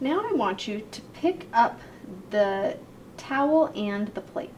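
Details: Adult female clinician; normal speech.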